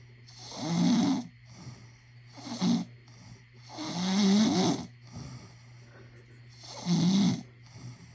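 Loud rattling snores on each breath in, about every three seconds, with quieter sighs between; steady hum in the background.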